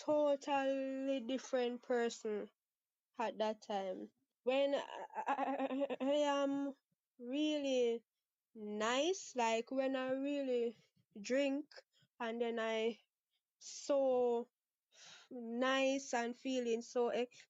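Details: 23-year-old Jamaican woman who has stuttered since about age six and says she stutters less after drinking; stuttering.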